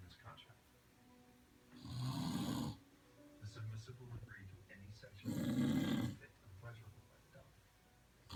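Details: Two loud, rattling snores on breathing in, about three seconds apart, with quieter breathing between, at roughly 18 breaths a minute: snoring.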